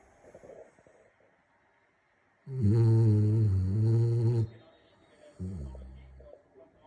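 Two deep, rumbling snores on breathing in, the first long and loud, the second shorter, with quiet breathing between.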